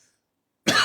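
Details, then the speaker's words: A single short dry cough after a moment of silence, from an adult teacher with an ongoing cough, sore throat and hoarse voice. "Alors, je tousse toujours. Je tousse toujours."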